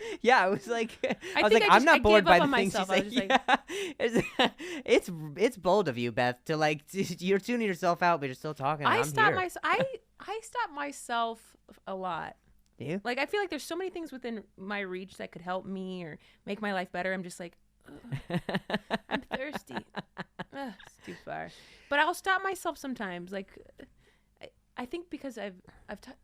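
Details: Adult who stutters; stuttering.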